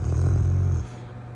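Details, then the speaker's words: Sleeping Rottweiler dog snoring, around 6 a.m.; owner says it snored loudly all night: a single loud, low, rumbling snore lasting under a second, then quiet breathing. "This little punk was snoring so bad last night. Him, I had to sleep on the couch."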